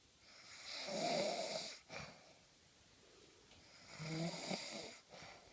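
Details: Snoring: two rough, rattling snores on breathing in, separated by a quiet pause.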